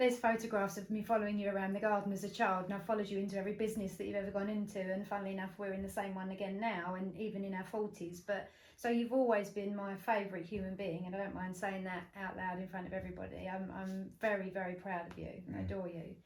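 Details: Adult woman speaking; no speech disorder.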